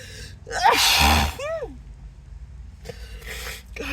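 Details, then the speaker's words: Acted sneezing fit as it slows, with an irritated nose and the person suggesting an allergy: a vocal sneeze with a gasping lead-in and drawn-out cry, then sharp breaths in, with background music. "I think it's finally slowing down oh my [Music] gosh [Music] sorry nose is just so irritated"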